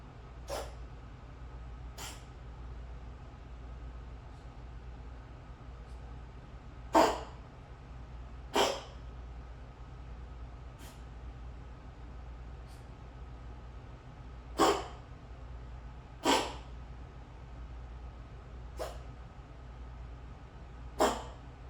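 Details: A Khao Manee kitten that sometimes coughs gives about ten short, sharp coughs, some in pairs, over a steady low room hum.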